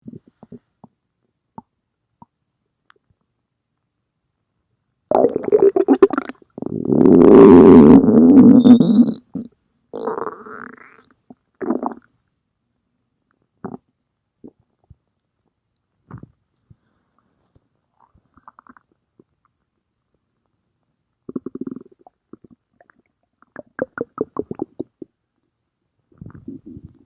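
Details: Loud gurgling and rumbling bursts from an adult's belly: stomach growling (borborygmi).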